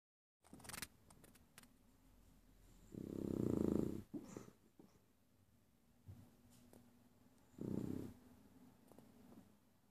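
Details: Overweight Beagle dog snoring while asleep: two low, rumbling snoring breaths over about ten seconds, small clicks and rustles between; snoring.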